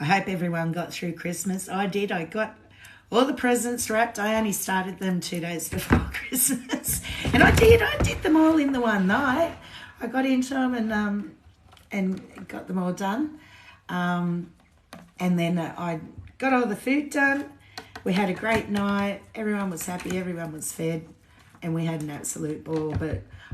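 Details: Woman with lifelong essential tremor since birth, diagnosed at 27, with head and hand tremor too; voice tremor shakier than normal today after two days of drinking alcohol; essential voice tremor.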